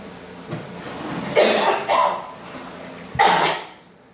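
Three harsh coughs over steady background noise, from an adult with COVID-19.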